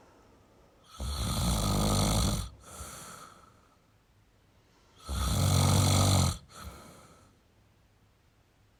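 Loud rumbling snores on each inhalation, followed by softer breathy exhalations, repeating every few seconds.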